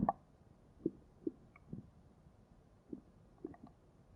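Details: Stomach growling (borborygmi): quiet, irregular gurgles and soft plopping bubbles recurring every half second to second in a still room.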